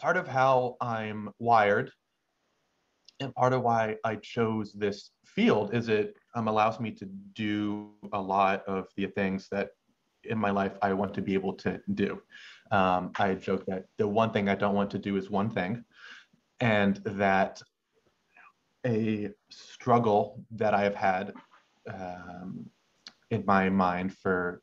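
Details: Adult male medical student who has stuttered since about age six, with uncontrollable pauses he has learned to mask; stuttering.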